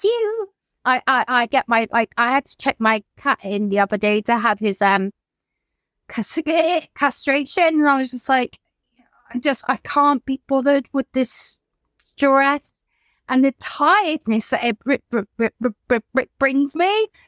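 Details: Adult woman whose childhood stammer recurred after her mother's suicide and six months alone in lockdown; she reports blocks; stuttering.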